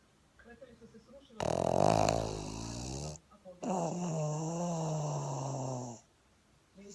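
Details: Pug (flat-faced dog) snoring: two long, loud, rattling breaths with a rough buzzing tone.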